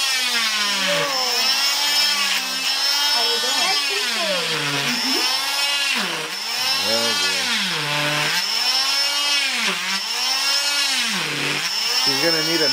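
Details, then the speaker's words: Oscillating cast saw demonstrated before removing a boy's arm cast after 2 months: loud, high-pitched motor whine rising and falling in pitch. "Basically, this is what I'm using to remove your cast. Okay. It's very loud."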